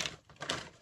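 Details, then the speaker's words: Adult woman recovering from a months-long cold, still coughing with mucus and an itchy throat; persistent cough. "got the cough. Still have the cough. Last night I had to pop a cough drop because I was hacking up a lung."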